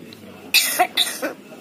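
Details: Black-headed lory parrot mimicking an elderly person's cough: two short, hissy cough-like bursts.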